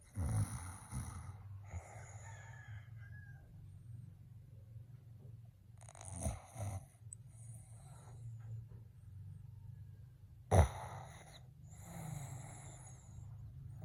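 Low rumbling breaths with loud snorting bursts on some breaths, over a steady low hum; snoring.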